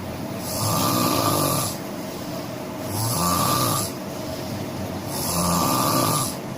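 Loud, rough snores repeating about every two and a half seconds, roughly 26 a minute, with quieter breathing between them.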